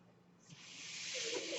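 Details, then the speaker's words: Soft hiss of air swelling over about a second: breath delivery of a home mechanical ventilator, the podcast speaker's own ventilator, heard during speech. "my name is that noise you're he's my ventilator thank you so much for joining in the beige Turner's"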